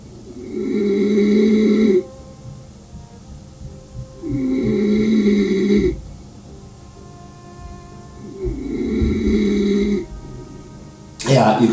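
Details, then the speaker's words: Loud, harsh, tonal snores recurring about 15 times a minute with quiet gaps, consistent with obstructive sleep apnea snoring. "you had it to where you started the video so people would sleep apnea do sort of like a wreath and then they get a solid stop you know like when you have a hot knife cutting through a butter"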